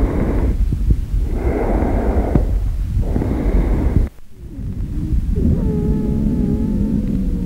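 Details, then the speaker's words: Adult male during a student's respiratory examination, stethoscope on the front of the chest, breathing deeply in and out through the mouth: soft rushing breath sounds with rubbing noise and a brief tone. "And now I'm going to listen to the chest the stethoscope. Um, can I ask you to deep uh I mean breathe in and out through your mouth like Okay."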